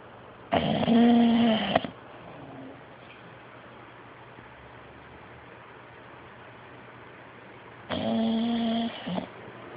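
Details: Snoring: two long, buzzing, rattling snores about seven seconds apart, with quiet breathing between them.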